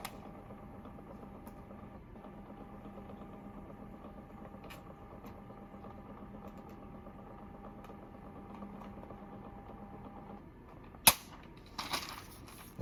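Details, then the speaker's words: Zoll defibrillator in a demonstration: a small printer gives a steady mechanical whirring hum for about ten seconds, then clicks as it stops, printing the device's test log (last test September 19th, 6 am). "you press report data test log and i can print the test so my last test was september 19th at o 600 print test"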